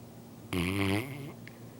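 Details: Sleeping English Mastiff snoring: a single low, buzzing snore lasting about half a second against quiet room noise.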